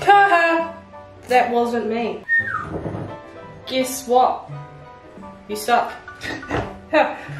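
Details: Woman with self-reported Tourette syndrome, vocal tics while cooking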